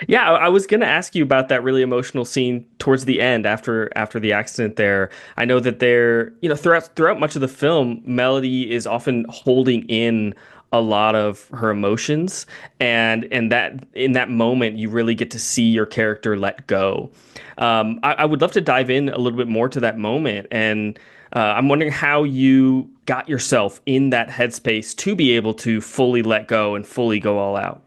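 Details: Adult male interviewer; normal speech.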